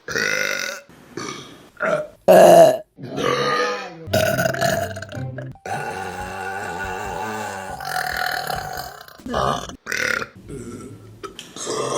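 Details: Female burping compilation: a run of loud, rumbling belches, some long and drawn out, with brief pauses and faint background music; burping.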